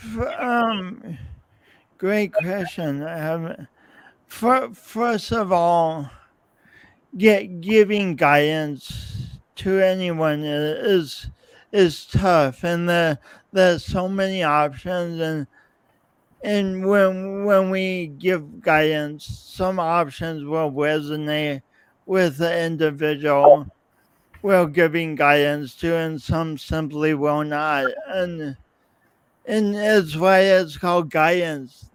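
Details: Adult man, podcast host, with his own lifelong speech impediment and coordination differences; real, not acted; speech impediment.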